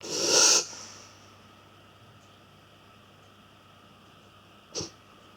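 One loud, harsh snorting inward gasp from a dog, then quiet and a short snort; a reverse sneeze.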